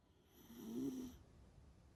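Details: Sleeping dog snoring: a single soft, fluttering, low snore lasting about a second, then quiet breathing.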